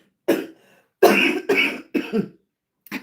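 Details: Adult woman with lupus and anti-Jo-1 antibody lung involvement, never a smoker, gives four harsh, separate cough bursts with a fifth starting: chronic cough.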